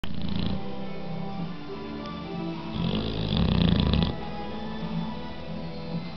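One coarse, rattling snore during a breath in, over steady background music.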